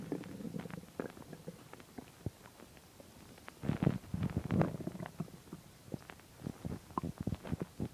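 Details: Stomach growling on an empty stomach: gurgling, bubbling abdominal rumbles with a low growl, typical of normal bowel sounds (borborygmi).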